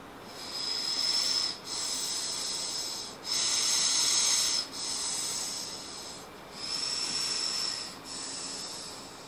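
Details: Man using an adjustable-resistance inhale respiratory muscle trainer, lips sealed on the mouthpiece: slow, deep breaths with hissing, whistling airflow through the device, about 20 breath phases a minute; breathing-muscle training.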